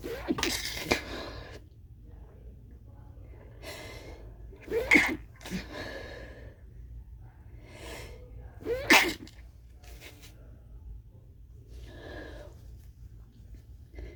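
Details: Stifled sneezes during a huge sneezing fit: a run of several muffled, held-back short bursts with indrawn breaths between them, over a steady low room hum.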